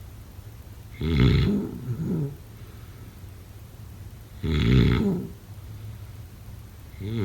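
Rough, fluttering snores on each in-breath, three in about seven seconds, with quiet breathing between; snoring during sleep.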